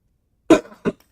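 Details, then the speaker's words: Two short, harsh cough bursts from an adult, the first louder with a trailing rasp; he reports a flu-like reaction to a nasal medication causing much coughing and spluttering and a hoarse voice. "And the result is that my body reacts as if it's got the flu. And the result of that is just like a lot of coping and sputing."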